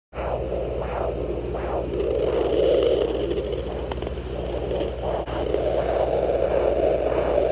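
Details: Fetal heartbeat of a rainbow baby picked up by an at-home fetal Doppler: rapid, rhythmic whooshing pulses through steady Doppler hiss.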